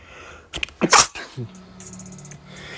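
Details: A sharp inhaled catch followed by one loud, explosive burst, a single sneeze, with faint room noise around it.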